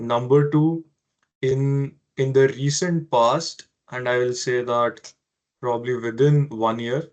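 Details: Stuttering in an adult man who has stammered since childhood.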